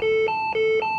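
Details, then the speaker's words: Physio-Control LifePak 12 charged to 200 joules into a test load during a unit self-test: repeating two-tone low-high electronic alert signalling the defibrillator is charged and ready to shock. "we then press charge which is directly below energy select the unit will charge up to 200 joules to deliver the shock"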